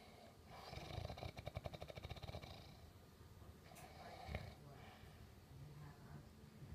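Low, rattling snore with a rapid fluttering vibration during one breath, over faint room noise.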